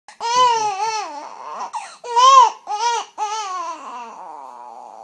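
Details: Infant crying before burping, eating and sleeping: loud, rhythmic bursts of crying with clear, strong voiced wails separated by brief breaths.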